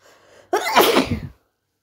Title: Some Loud Sneezes!